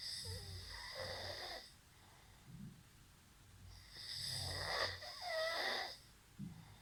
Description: Can you sleep in these conditions? Funny snoring sound.